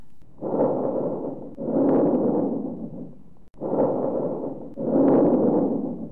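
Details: Bronchovesicular breath sounds on chest auscultation with stethoscope, intermediate between vesicular and bronchial; teaching recording.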